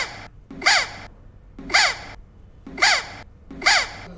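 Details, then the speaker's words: Repeated high, squeaky whistling calls, about one a second, from a boy in Hyderabad who whistles when talking, laughing, sneezing or coughing; endoscopy found he had swallowed a whistle. "ఈ బాలుడు mimicry చేయడం లేదు గారడ అంతకన్నా కాదు కానీ అతను మాట్లాడితే whistle నవ్వినా whistle సౌండే తుమ్మినా దగ్గినా"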